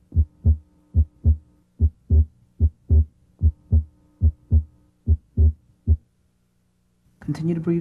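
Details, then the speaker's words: Heart auscultation at the left second interspace during deeper-than-normal breathing: regular heart sounds near 75 per minute with an abnormally wide split of S2 that comes and goes with respiration. "try to hear splitting of S2 here it is abnormally wide it comes and goes with respiration"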